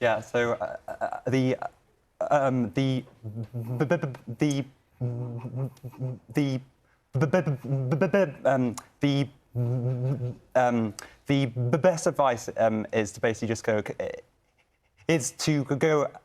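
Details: Stammering in a medical student who lives with a stammer and sits on a youth panel for a stammering children's charity; repetitions, fillers and blocks.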